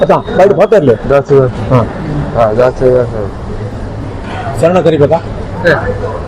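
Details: 17-year-old boy with hearing and speaking problems, non-speaking since childhood and previously communicating only by hand signs, now saying a few halting, stammering words while chanting; unclear, limited speech in a previously non-speaking adolescent.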